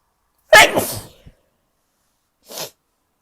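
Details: Powerful sneeze, person sneezing a lot lately and wondering about a new allergy: one forceful, explosive sneeze followed by a brief sniff.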